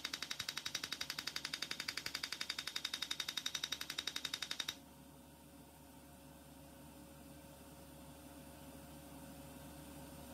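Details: Rapid, very regular sharp clicking, about 170 per minute for five seconds, then room hum, from an Erbium YAG laser removing an epidermal nevus in a female patient under anaesthesia: laser firing pulses.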